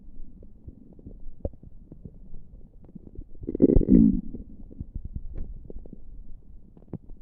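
Low gurgling abdominal rumbles with scattered clicks and one louder gurgle: ordinary spontaneous bowel sounds.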